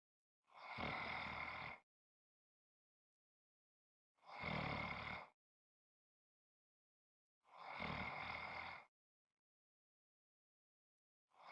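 Loud, rough, rattling snores on each breath in, about 18 a minute, with quiet pauses between.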